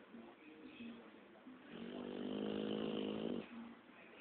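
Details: Pitbull dog snoring: soft breathing sounds, then one long buzzing, vibrating snore lasting about two seconds.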